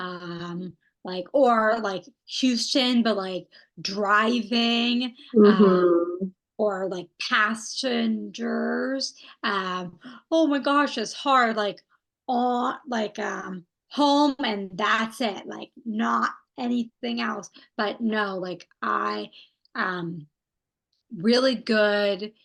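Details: Aphasia in a woman who had a stroke at age 27, with arm and leg involvement; she is doing intensive stroke rehabilitation therapy.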